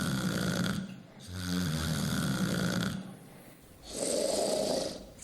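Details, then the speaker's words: Example of obstructive sleep apnea snoring: loud, rough snores with brief quiet gaps, where apnea may cause choking sounds or a loud snort; sleep apnea causes breathing pauses during sleep. "sleep apnea may cause a choking sound snoring or even a loud snort that can sound something like"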